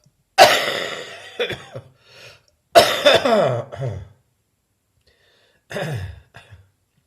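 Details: Adult recovering from bronchitis with a still-present but much drier cough: three harsh, dry cough bouts, each a sharp burst with short follow-up coughs and no rattle.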